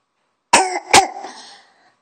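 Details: Sick child gives two quick, harsh coughs in close succession, each trailing off; cough.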